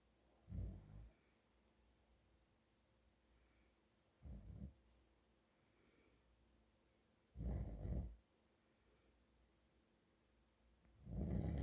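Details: Father snoring during sleep: deep, low rumbling snores at irregular intervals, about 17 a minute, with quiet breathing between.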